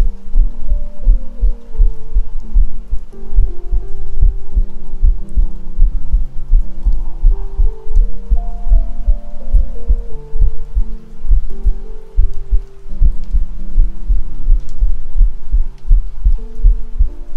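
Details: Self-recorded ASMR heartbeat captured with a 3Dio binaural microphone: steady low thumping at around 70 beats a minute with soft hum and tonal background; normal heart sounds.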